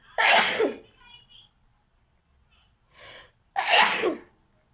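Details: Deliberate sneezing in a sneezing-challenge recording: two forceful, intentionally performed sneezes with a short inhaled breath between them.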